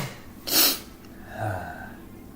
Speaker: sorry I sneezed million times I'll try and edit this out